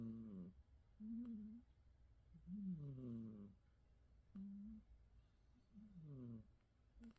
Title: Jasmine snoring! #cats #cat #catsurprise #catshorts #cutecat #snoringcatplay #catsnoring